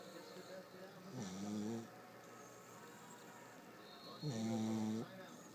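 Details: A sleeping puggle gives two long, rumbling, buzzy snores on the in-breath about three seconds apart, with quiet breathing between.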